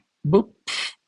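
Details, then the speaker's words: Vocal imitation of a diastolic murmur of aortic regurgitation, placed between the second and first heart sounds at the aortic focus: a voiced thump, a breathy whooshing hiss, then another thump. "supongamos que ahora el soplo lo voy a encontrar Entre el segundo y el primer ruido o sea durante la diástole y se va a escuchar"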